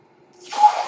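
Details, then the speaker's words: Soft, rising rush of hissing air swells and fades over about half a second from the male podcaster's own ventilator, heard during his speech; a mechanical ventilator breath. "my name is that noise he carries my ventilator"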